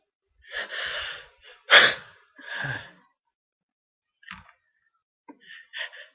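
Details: Sharp inward gasps followed by forceful breathy bursts, a short run of sneezes with quieter sniffs after; sneezing.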